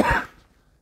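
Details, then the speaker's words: Adult French speaker during a coughing fit: a single short, forceful cough that fades quickly into quiet. "les amis, désolé, j'ai dû couper parce que j'ai une quinte de toux, comme vous avez pu remarquer."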